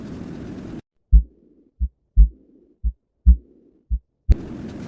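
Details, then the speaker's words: Soft blowing decrescendo diastolic murmur fading away after the second heart sound, as in aortic regurgitation. "دومی دکر شندو هست"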